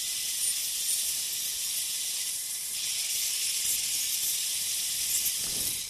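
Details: Ultrasonic piezosurgery bone saw tip with water spray cutting vertical sections of a sinus window osteotomy with very little pressure, gentle sweeping motion: steady high hiss during gentle bone cutting.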